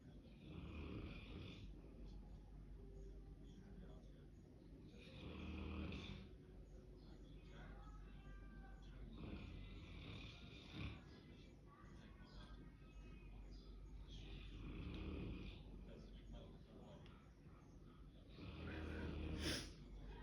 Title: They are snoring 😴!!!